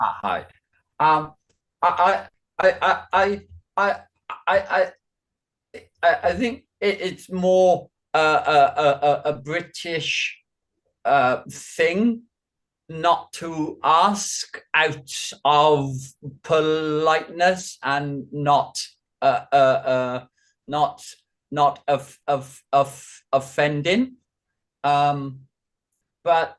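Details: Man with Functional Neurological Disorder and foreign accent syndrome, voice returning partway through an interview, with repeated words and syllables he calls garbled; functional speech disorder with dysfluency (foreign accent syndrome).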